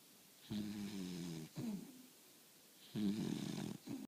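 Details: A 4-month-old puppy snoring while asleep in a quiet room: two rattling snoring breaths, each with a short second puff, which is ordinary sleep snoring.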